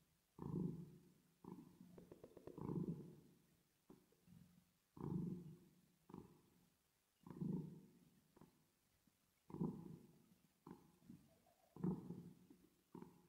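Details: Cat, echo effect added: low rumbling purr in bursts about 27 a minute; ordinary cat purring.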